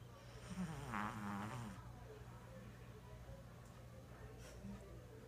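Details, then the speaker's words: Sleeping dog with very loud snoring: one long, rattling, buzzing snore, then quieter breathing with background noise. "Hachi. Hachi, you're snoring. Hachi, you're snoring. Hachi, you're snoring."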